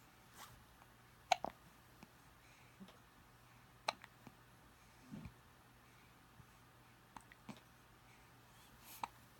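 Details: Hiccups.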